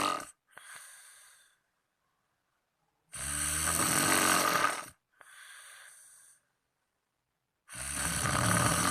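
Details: Sleeping friend snoring: loud, rough snoring on in-breaths with quieter out-breaths, about three breath cycles over nine seconds.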